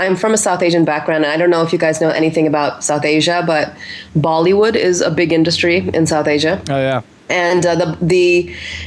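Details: Adult woman speaking; Normal adult speech.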